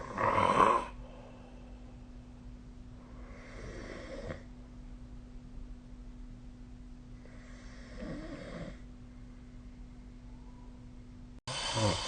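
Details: Adult snoring during sleep, recorded with a snore-tracking app on 2025/05/28: slow, rumbling snores about every four seconds with a faint steady hum in a quiet room.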